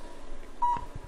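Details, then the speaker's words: Low-level (cold) laser therapy on the foot for plantar fasciitis, program set for plantar fasciitis, treatment lasting about 4.5–5 minutes; single short steady beep over room noise signalling the device is on; laser therapy device beep. "Beautiful thing about this technique is you can hear the machine beeping. We know it's on."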